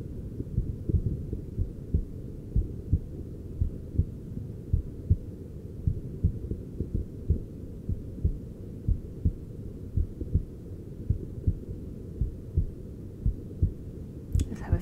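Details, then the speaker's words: Normal heart sounds of an adult male heard with a handheld device after cosmetic injections as he relaxes; heart rate settling to about 50–60 beats per minute, respiration also settled. "I can feel our beautiful models heart rate starting to go down and it's about 50 to 60 beats per minute so you have survived your heart has relaxed"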